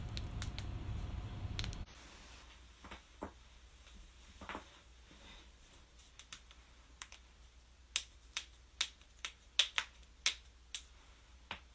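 A series of sharp, crisp pops and clicks, denser toward the end, over faint room noise: joint cracking, the harmless popping of joints.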